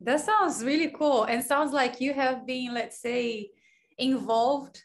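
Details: Adult speaker; typical speech.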